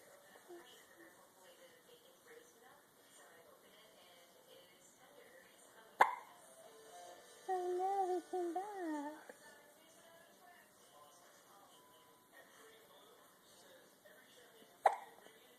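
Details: Infant hiccups: two sharp, sudden hiccups about nine seconds apart with soft background music.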